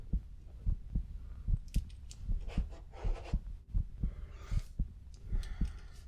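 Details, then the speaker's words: Simulated check-up roleplay, whispered: steady heartbeat thumps about 74 a minute heard while the heart and lungs are listened to; ordinary normal heart sounds. "I'm going to listen to your heart and your lungs"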